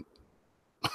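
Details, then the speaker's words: Podcast host who is under the weather and still coughing: after a near-silent pause, a single abrupt, harsh adult cough. "you can hear, I'm still coughing and I'm under the weather, but appreciate you dealing with that."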